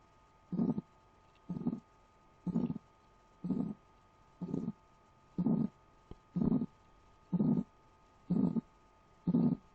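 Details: Heartbeat played as an example of hypertension with atherosclerosis (cholesterol buildup in arteries): strong, regular low thumps at about 62 beats a minute; forceful heartbeat.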